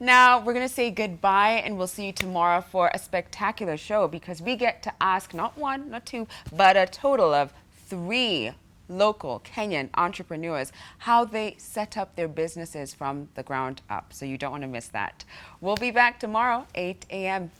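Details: Adult woman speaking; normal speech.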